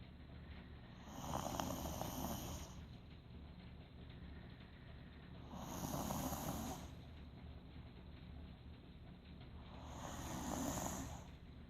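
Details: Snoring: three rough, rattling snores on the in-breath, evenly spaced at about 13 breaths a minute.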